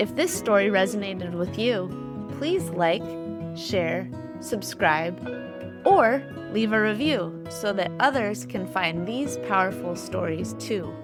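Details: Adult speaker; normal speech.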